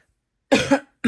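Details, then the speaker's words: One short, sharp cough with a second burst starting at the end, in a quiet room; a woman with a lingering cough and hoarseness after recent illness, who says her fall allergies are bad. "Excuse me. I still have a little bit of cough as well. That will not go away."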